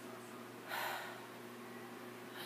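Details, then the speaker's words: Stethoscope auscultation of the lung fields during a physical assessment, patient breathing in and out deeply: unforced deep breaths in a quiet room, clear and symmetric, no crackles: normal breath sounds. "Nice and clear. Symmetric."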